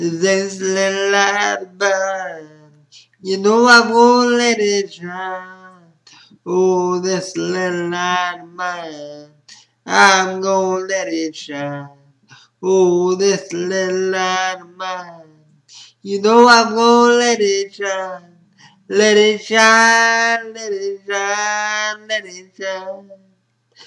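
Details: Man with spastic quadriplegic cerebral palsy singing, with hard-to-understand output; dysarthric singing due to cerebral palsy.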